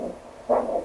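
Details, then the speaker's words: Doppler probe over an ankle artery before the cuff is inflated, for ankle pressure measurement: a rhythmic whooshing pulse with each heartbeat, showing normal arterial blood flow. "le signal Doppler qui indique le passage du sang dans votre artère."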